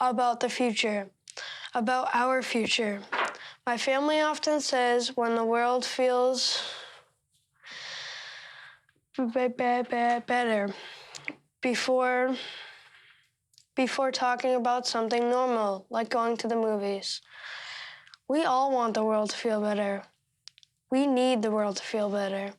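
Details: 13-year-old boy who stutters, reading a speech he marked up to make it easier to say out loud; stuttering.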